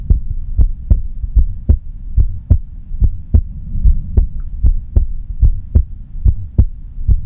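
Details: Quiet heartbeat recording with no talking: steady, low, regular thumps at about 72 beats per minute over a soft hum; normal heartbeat.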